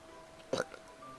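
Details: Burping: one brief, low, throaty belch over a background hum.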